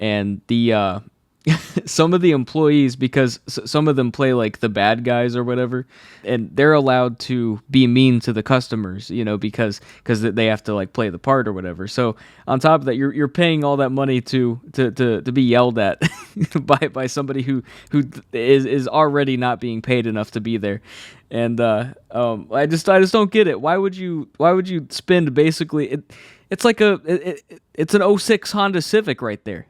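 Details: Adult male who has stuttered all his life since childhood, saw a specialist as a child, and says anxiety worsens it; stutters are left unedited in this recording; stuttering.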